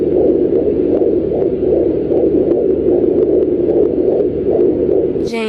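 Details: Pregnant woman using a home fetal Doppler with gel, heard on her third attempt: rapid, regular whooshing pulses, a fetal heartbeat at about 150 beats per minute.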